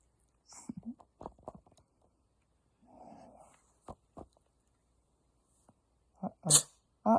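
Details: Cat with sniffles sneezing: soft sniffing noises, then a sharp, hissy little sneeze burst near the end.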